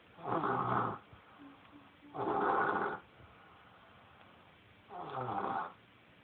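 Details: Person snoring during sleep: three rough, rattling snores at steady intervals, about 24 breaths per minute, separated by quiet breathing; regular snoring.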